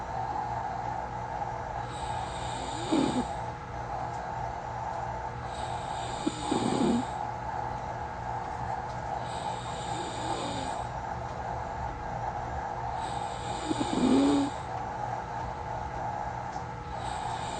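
Soft, quiet snoring on each in-breath, roughly eight breaths a minute, over a steady background hum.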